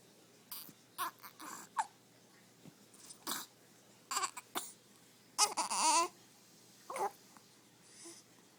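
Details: Infant with hiccups, crying: short fussy cries and whimpers broken up by breaths and quiet moments.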